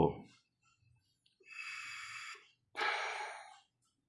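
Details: Maquet Servo-i ventilator in volume control mode on a test lung during a pre-use check after a flow transducer error repair; rate 15, tidal volume 500 mL, peak pressure 32: faint pulses, then about one-second hissing breaths.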